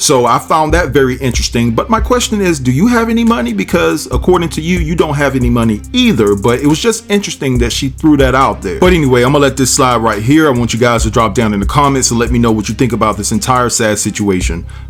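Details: Adult speaker; ordinary speech.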